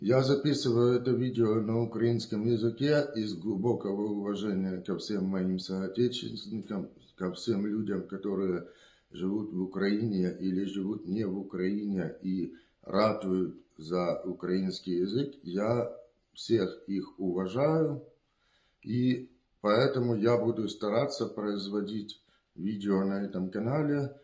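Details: Man, 35, deaf from birth, with grade 4 hearing loss in the right ear and grade 5 in the left. He learned to speak through verbotonal rehabilitation and now hears with hearing aids. Deaf speech from congenital profound hearing loss.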